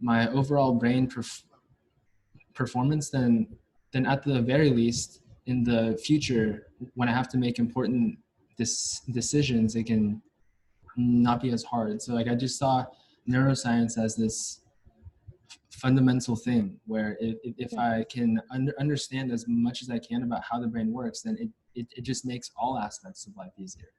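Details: Stuttering in a US-born man from a Chinese family, a senior university neuroscience student, who has stuttered since about age five or six, with blocks and getting stuck on sounds; his father and maternal grandfather also stutter.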